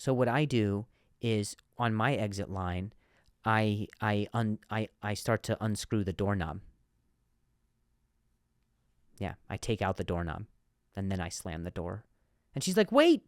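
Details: Adult male comedian on a stuttering-themed podcast; stutter implied by the title but not stated or described in this part; stuttering.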